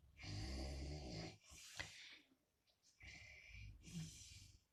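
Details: Heavy snoring in the middle of the night: loud rattling snores on each in-breath, with quieter out-breaths between.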